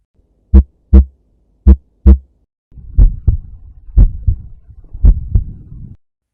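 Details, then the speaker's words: Loud first heart sound (S1), from mitral and tricuspid valve closure at the start of systole, best heard at the 4th–5th intercostal space, midclavicular line; regular paired sounds about 55/min, with later background hum. "The loop is the first heart sound, commonly termed S1, and is caused by the closure of mitral and tricuspid valves at the start of systole."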